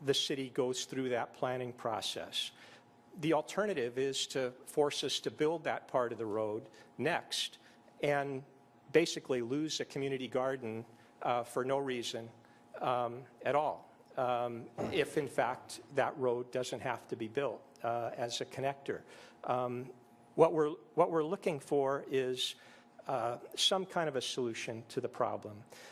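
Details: Adult male speaker; normal speech.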